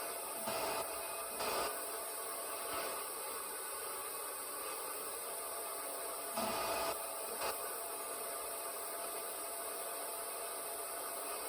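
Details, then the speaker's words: Mechanical ventilator in a respiratory rate range test, restarted in blower-driven ambient air mode (FiO2 21%) at a set 10 breaths per minute: soft whooshing air pulses over steady machine hiss. "So restarting the ventilator now, and we can set this by changing the FiO2 to 21%, which is pure air. And we'll begin again at 10 breaths per minute."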